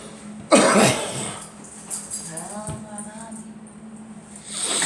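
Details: Girl coughing: a single loud, harsh cough burst from a child, followed by quieter voicing and background room noise; cough.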